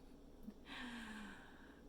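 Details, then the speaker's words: Pet cat snoring while sleeping indoors: a single quiet, noisy breath with a faint whistling, fluttery tone in a quiet room. "I don't know if you can hear my cat snoring but that's what he's doing right now"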